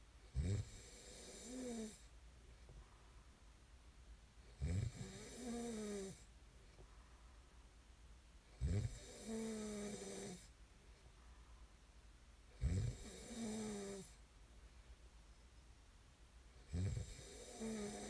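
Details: Snoring ASMR recording: loud, rattling snores on each in-breath, about 15 breaths a minute, with quiet out-breaths between them.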